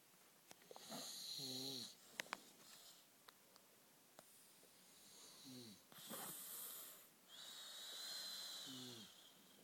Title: The boys snoring